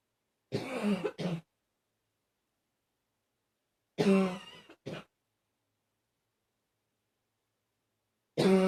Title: #40 Coughing... mostly barking